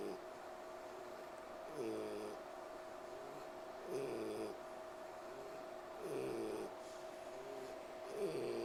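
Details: A pig wheezing while trying to sleep: regular tonal, whistling breath noises at about 28 a minute over a steady background hum.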